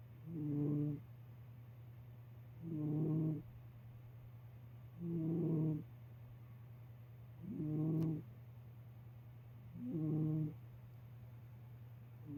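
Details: Cat snoring during rest: five regular rattling breaths, about 25 per minute, over a steady low room hum.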